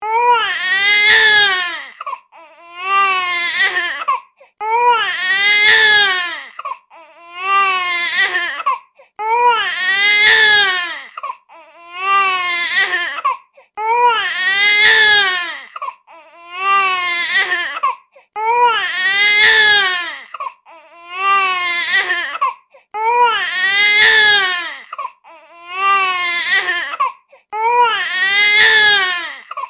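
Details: Rhythmic infant crying with loud tonal wails repeating every couple of seconds, separated by brief breaths.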